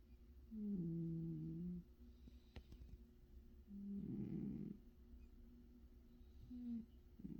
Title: 😴cat snores